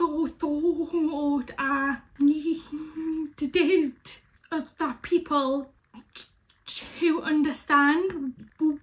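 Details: Young woman with stammering since age five; real developmental stuttering.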